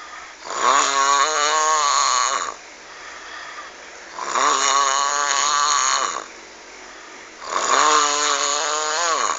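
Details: Three long, very loud, rough snores with strong pitched buzzing, about 17 per minute, separated by quiet exhalations; heavy, frightening-sounding snoring.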